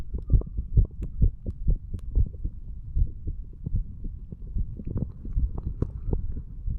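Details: Heart sounds of a 35-year-old male under the influence of alcohol, recorded by stethoscope hours after going to bed, over the mitral to tricuspid areas: fast, muffled heartbeat at roughly 130 a minute through steady low stethoscope rubbing noise.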